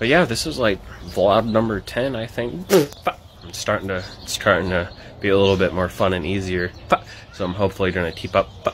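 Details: Adult man with Tourette syndrome, vocal tics occurring between sentences while he talks; vocal tics (Tourette syndrome).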